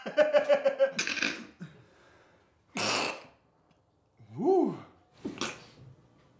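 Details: A run of catching breaths builds up, then several explosive sneezes with pauses, as a person tries hard to hold in sneezes; repeated sneezing.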